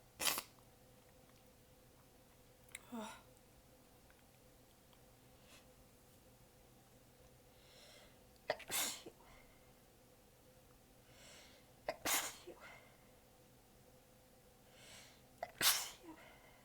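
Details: Five weak, partly held-back sneezes over about seventeen seconds in a quiet room, some after catching breaths; the person was exhausted with sore abs and biting them back. Sneezing fit.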